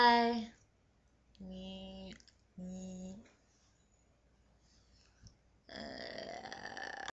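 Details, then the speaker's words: Woman burping deliberately, including burping words: several drawn-out voiced belches with a low, steady buzzing tone, separated by silence; voluntary burping. "so that's some burping um this is fully burping of this one and I hope you enjoyed it"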